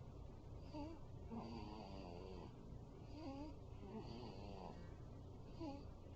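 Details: Zoey, a 5-week-old puppy, snoring in sleep: soft, faint snoring breaths with small whiny squeaks against steady room noise.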